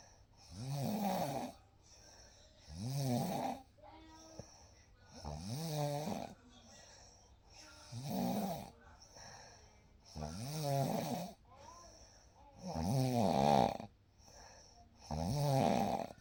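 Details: Real night recording of sleep: soft, regular snores on each inhalation, about 7 per minute, over quiet room background; ordinary gentle snoring.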